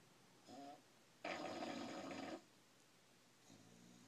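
One long, loud, rattling snore between two fainter, shorter breath sounds in a quiet room: snoring in a sleeping dog.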